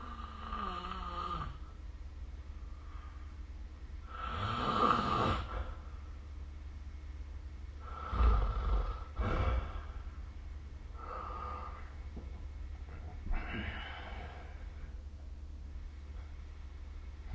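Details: Irregular rough, rumbling snores during sleep breathing, with quiet stretches between them, over steady low room hum; snoring recorded with the SnoreLab app.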